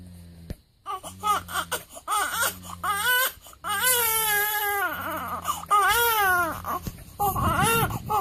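Rising and falling newborn wails with breaths between, over a steady low hum; ordinary crying of a week-old baby.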